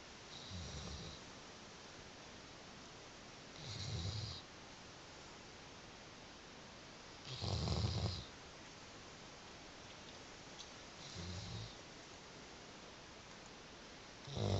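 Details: Doberman dog snoring; low rumbling snores in slow irregular bursts, five in about 15 seconds, each with a hissy upper edge. Dog snoring.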